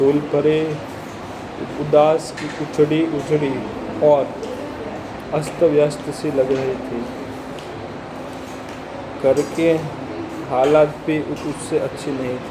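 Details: Adult man with stammering, day 65 of a self-directed stammering-control programme, reading a story aloud as a fluency exercise in a hospital; stuttering.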